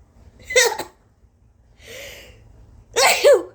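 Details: Person with severe allergies, days of congestion, itchy, sore nose and throat, heavy coughing and near loss of voice, forcing sneezes: two forceful sneezes with sharp, high-pitched buildups and a breathy sniff between them.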